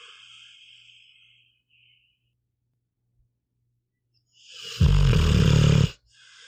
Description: Here is an hour of my pitbull, Meatball snoring.